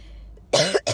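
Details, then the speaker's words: Adult woman with acute bronchitis, coughing for the past week: one harsh, forceful cough, then the start of a second. "I have bronchitis you hear that that's what it's been like for me for the past week"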